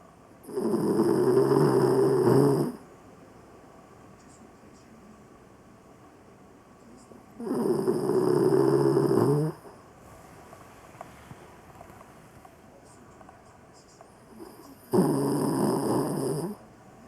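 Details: Loud, rough snores about every seven seconds, each about two seconds, with quiet between, while sleeping in a lap one evening; snoring.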